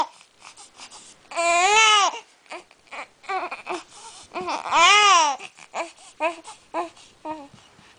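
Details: Infant crying: two long, loud wailing cries with short whimpers and fussing between them; described as crying and snorting with hiccups.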